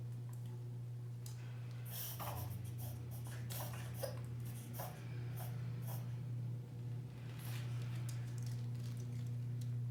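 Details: 7 lb Morkie (Maltese mix) having a reverse sneezing attack: rapid, repeated snorting inhalations; vet-checked and reported fine, episodes occur sometimes.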